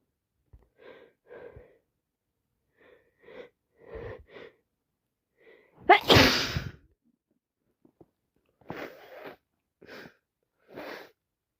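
Quick short inhalations building up to one loud sneeze, followed by several more short sneezes; repeated sneezing from allergies plus a cold.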